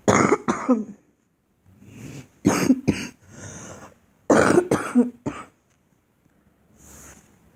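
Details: A girl's deliberate, staged coughing: several bursts with throat clearing and pauses between groups, not from illness; cough.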